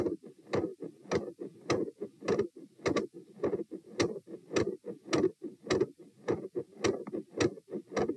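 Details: Heart sounds at the tricuspid (T) position during a stress test through lying, sitting, standing, knee bends, standing and lying, with rates of 84-96-108-120-96 bpm: quiet at first, growing very loud, with S2 split and extra sounds.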